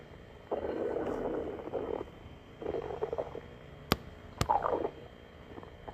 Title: stomach growling